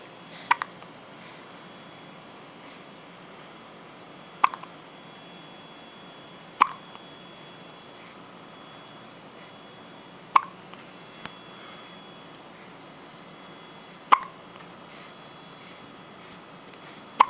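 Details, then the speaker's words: Hiccups in a cat: six sharp, brief hiccup clicks spaced a few seconds apart in a quiet room. "I had the hiccups. So what?"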